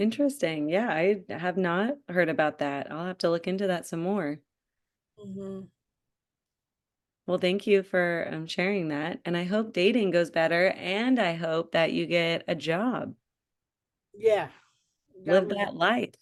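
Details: Adult woman speaking; typical speech.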